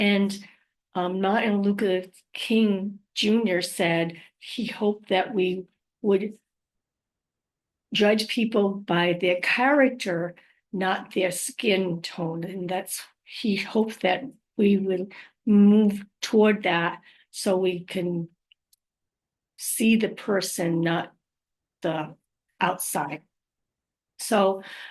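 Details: Adult living with aphasia, apraxia of speech and dysarthria after trauma such as stroke, with word-finding difficulty; aphasia with apraxia of speech and dysarthria.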